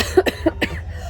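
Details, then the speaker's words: Woman at 21–23 weeks of pregnancy with a bad cold and lingering cough: about four quick, hacking coughs in a rapid run. "There's the cough still there a little bit."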